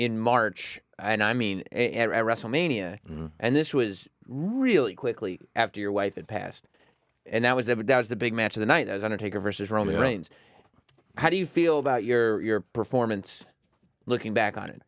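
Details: Adult man speaking; typical speech.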